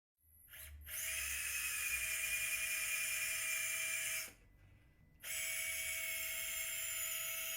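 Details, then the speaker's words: Steady high-pitched motor whine in two runs with a brief pause: power wire driver inserting the third guide wire through a tissue protection sleeve for the posteromedial screw during anterior-approach ankle arthrodesis. "once the tissue protection sleeve has been introduced the third guide wire can be inserted"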